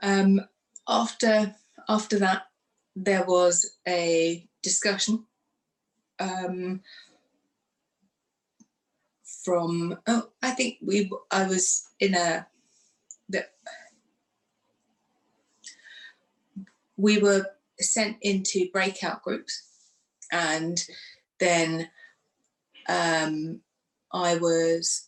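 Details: Aphasia in a woman after a stroke two days after a hysterectomy in 2018, aged 44, which left her unable to speak; now shows word-finding difficulty, fillers and restarts.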